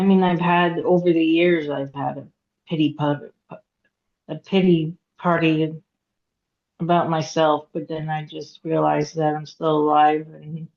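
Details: Aphasia in a woman after hemorrhagic stroke at age 36 in 2018; couldn't talk for 2 years, had 2 years of speech therapy; still has trouble getting her point across, reading and writing.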